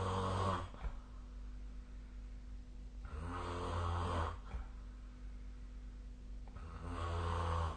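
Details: Deep, rumbling snores recurring roughly every three seconds, with softer breathing between, over a constant background hum; snoring.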